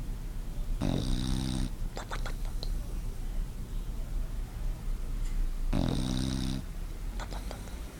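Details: A female pet bulldog napping on a couch gives two loud rattling snores about five seconds apart, each a low buzzing vibration on the in-breath; typical snoring of a flat-faced dog.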